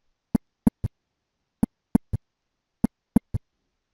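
Simulated heart sounds in a lub-dub-da triple rhythm, about 48 per minute: an S3 gallop.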